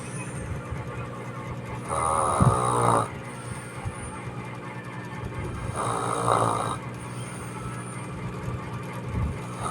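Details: Two loud, rough, rattling inhaled snores about four seconds apart over steady low room or engine noise from a tired sleeper, apparently a child with autism and speech difficulty; snoring.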